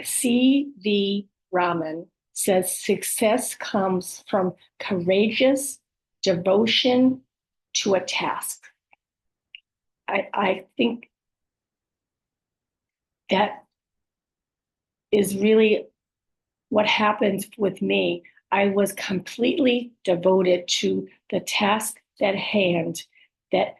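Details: Adult woman with aphasia, apraxia of speech and dysarthria after a stroke, speech sometimes hard to understand; aphasia with apraxia of speech and dysarthria.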